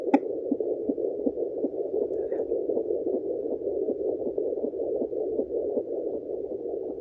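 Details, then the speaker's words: Fetal heartbeat on home Doppler: fast, soft galloping pulses around 150 a minute over steady hiss; the mother notes the slower, lower sound is not the baby's heart. "esse não é o coração do neném gente é sempre mais baixo mais devagar porque o coração do neném tá vendo mas o neném que faz essa batida de tudo"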